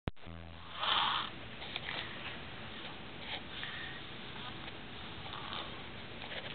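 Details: Little girl snoring while asleep on the couch after a full day of play: a brief low buzzing snore, then a noisy breath, over steady room noise.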